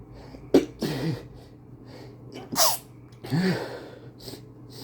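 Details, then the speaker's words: Male repeated sneezing: hitching breaths, then two stifled sneezes that keep getting bigger, with short sniffs afterward and a lingering nose tickle. "I I think my sneezes are getting bigger. I still I still feel a tickle."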